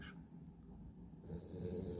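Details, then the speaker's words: Drowsy dog sitting upright on command, nodding off but staying seated: low rumbling, rattly noise on a breath through nose and throat; snoring while half awake. "Вот его рубит, хочет спать, но всё равно сидит. Вот аж храпит."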